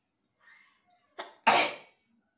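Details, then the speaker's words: Sneeze deliberately induced by tickling the nose with a soft towel (gamchha) during a sneezing/nose-blowing challenge: faint breathy catch, short burst, then one loud explosive sneeze over a steady high whine. "তো এরকম সুড়সুড়ি দিয়ে হাঁচি করে করে কফ বের করা খুবই টাফ একটা ব্যাপার।"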